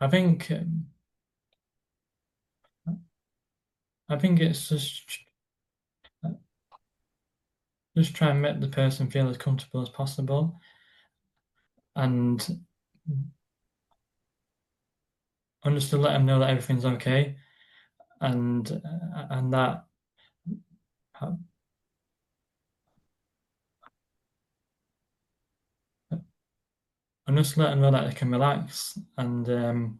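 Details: Adult man with a stammer, described as a neurological condition felt as blocks stopping words, occurring on any word, with silences while blocked; stammering (stuttering).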